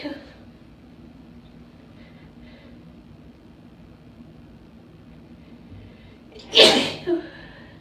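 One loud, forceful sneeze after a quiet stretch, followed by a softer exhale; allergy-triggered sneezing.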